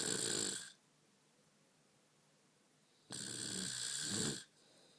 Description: My wife snoring again